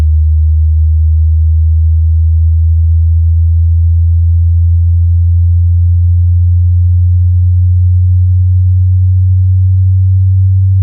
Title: HEARING TEST ONLINE [With frequency synchronization]